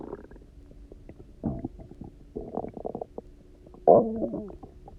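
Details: Person who had eaten almost nothing for 24 hours, then drank a lot of water and lay on their side: loud, resonant gurgling and rumbling bursts from an empty stomach; ordinary hunger borborygmi.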